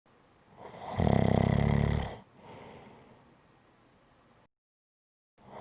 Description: This is a 5 1/2 minute audio clip of Snoring.